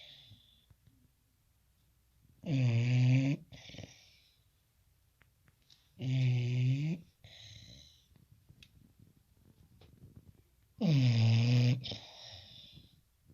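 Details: Sleeping bulldog snoring: three loud, harsh, rattling snores about four seconds apart, each followed by a softer breath out.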